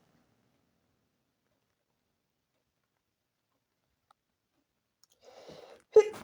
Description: The sneezes were from the morning after waking up.